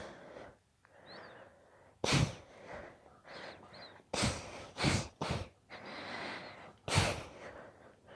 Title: Sneeze fit